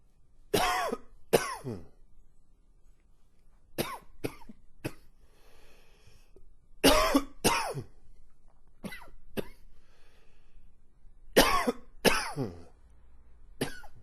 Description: Long and wheezy coughing fit.